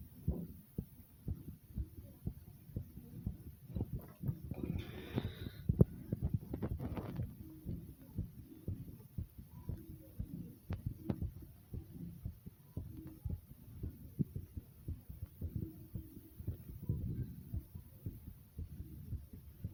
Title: My Heartbeat Sound ❤